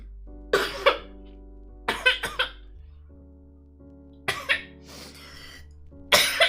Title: girl coughing fit